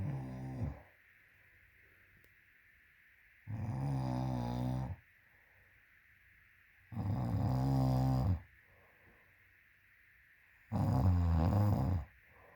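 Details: Woman snoring while wearing a Snore-Eze snore aid in her ear, apparently meant for the nose; loud enough to hear from the next room. Loud, rough, low inspiratory snores, about four in twelve seconds, with quiet pauses and a background hum.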